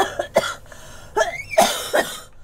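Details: Girl coughing during a Korean PUBG gaming voice chat: about four short, sharp cough bursts in quick succession.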